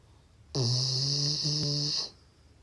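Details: Sleeping Labrador dog: one long, buzzing, whistly snore, then quiet room noise; harmless sleep snoring.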